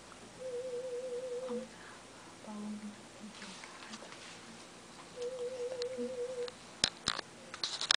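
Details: Aided sound-field hearing test in a cochlear implant user with tinnitus (implant battery low): two wavering, warbled test tones with quiet room noise between them.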